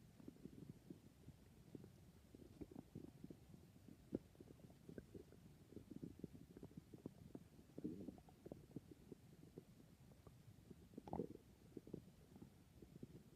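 Soft, steady gurgles and low rumbling from the stomach, with a brief louder squeak near the end; normal bowel noises.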